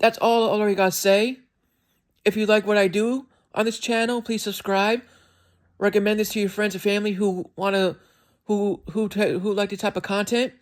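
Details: Adult male with self-reported speech impediment, described as sounding like skipping words and not speaking perfectly at times; stuttering with word repetitions.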